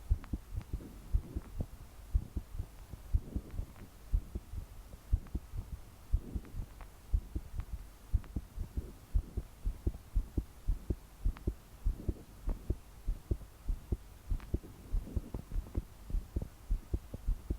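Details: 22-year-old woman's strong, thudding heartbeats, about 60 per minute, with faint breathing while trying to calm down to sleep; body shaking with each beat; deep breaths didn't help; heavy rain behind; pounding heartbeat, palpitations.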